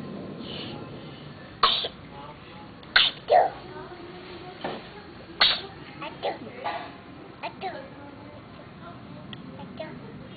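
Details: A 1.9-year-old toddler playing outdoors in the afternoon gives several short, sharp sneeze-like bursts, with soft voice sounds and noises in between; sneezing.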